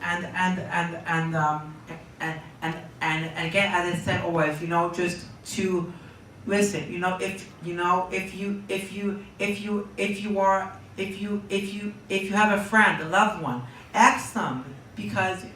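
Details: Young man diagnosed with Tourette syndrome at age four, speaking in an interview; phrase and word repetitions (palilalia) in Tourette syndrome.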